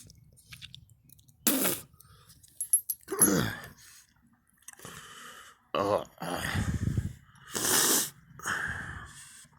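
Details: Coughing fit with vomiting twice: several harsh coughing bursts with gasping breaths and retching sounds between them, in a quiet room.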